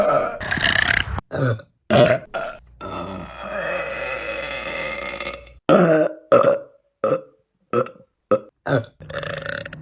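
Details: About ten short, sharp belches and one longer drawn-out belch, separated by brief silences; ordinary burping.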